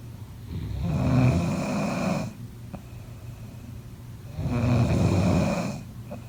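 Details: Snoring sounds from a sleeper.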